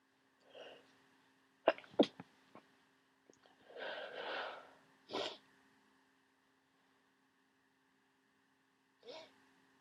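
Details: Sneezing fit on waking: several forceful sneezes in quick succession with breaths in between.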